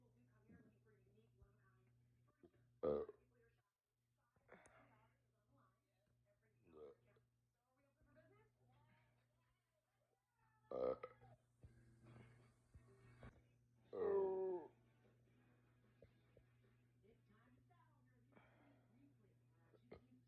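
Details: Long burping session by someone not feeling well that day: three loud belches, the last long and voiced, separated by quieter throat sounds and low room hum.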